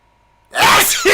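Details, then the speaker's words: A single loud, explosive adult sneeze after half a second of near silence, which the sneezer says sounds like a cartoon character; sneeze. "is that what that sneeze was a grenade that's apparently like i said i i sneeze like a cartoon character like i sound like a tom and jerry cartoon"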